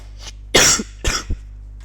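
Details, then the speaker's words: An adult with a cold gives two harsh coughs, the second a double burst: cough. "I have a cold as you can hear."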